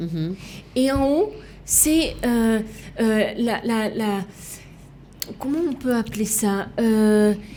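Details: Woman left with lasting aphasia, a language disorder, and right-sided hemiplegia after an accident and coma; for years she could not place her tongue correctly and fought 7 years to relearn walking and speaking; residual speech difficulties; aphasia.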